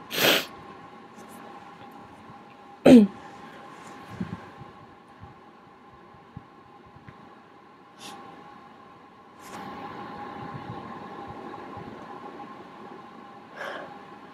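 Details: Two sharp self-induced sneezes from a congested person who may have a cold, then quieter sniffing, talking and room hum; a pet poodle may be moving around in the background.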